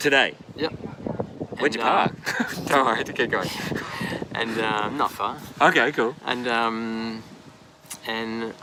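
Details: Aphasia after an AVM stroke at age 34 in a man now 39, initially global aphasia, now described as more receptive.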